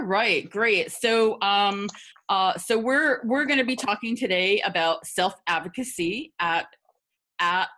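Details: Stuttering in an adult woman who stutters; repetitions are audible.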